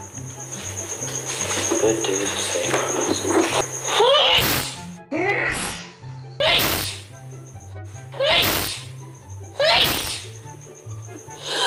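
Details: Sneezing fit: a run of about four forceful sneezes, each with a rising inhaled build-up, over background music.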